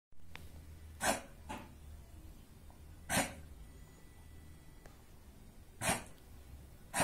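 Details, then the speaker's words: American Cocker Spaniel with a common cold, coughing nonstop on the second day, worse than the day before: three short, harsh, forceful dry cough bursts a few seconds apart; treated with ambroxol tablets. "привет друзья у нас случилось неприятность наша Джесси заболела собачка кашляет Вчера не так сильно а сегодня уже второй день вообще уже без остановки"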